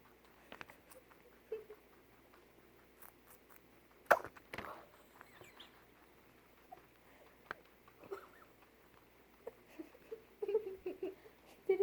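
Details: Guinea pig coughing while eating vegetables too fast, a soft chewing sound then a sharp little cough burst; this is his usual cough with veggies only, never with hay or pellets, and the owner says it is not serious.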